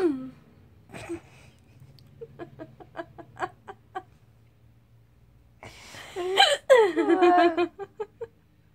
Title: I'm laughing with hiccups